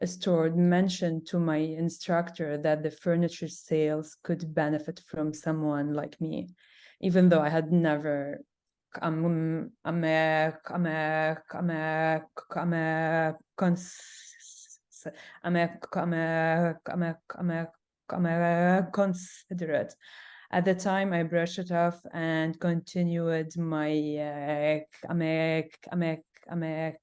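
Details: Adult woman who stutters, speaking Arabic, French and English; stuttering.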